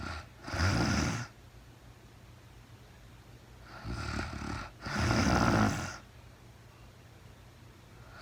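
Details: Real-time recording of a woman asleep overnight, very tired, no talking (labelled REM sleep): three long, rumbling snores with quiet pauses between them against steady room hiss; snoring.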